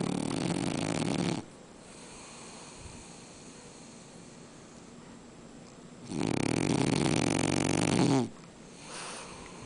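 Two long, loud, rough rattling snores with a quiet gap between them.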